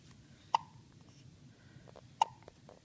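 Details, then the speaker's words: Three-day-old newborn girl hiccuping after her first good feed: two short, sharp hiccups about 1.7 seconds apart in a quiet room; harmless newborn hiccups. "the has the hiccups she seemed genuinely concerned about this terrible"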